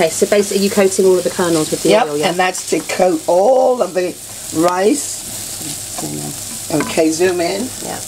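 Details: Adult speaker; Normal speech.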